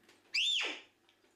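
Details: A sudden, brief, high-pitched squeal, a vocal tic from a 12-year-old twin boy. He was diagnosed with Tourette syndrome two years ago, and his symptoms are worsening.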